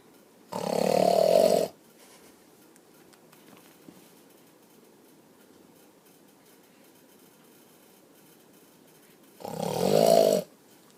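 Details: Father snoring next to his young child; two loud rumbling snores about nine seconds apart with quiet between: heavy snoring.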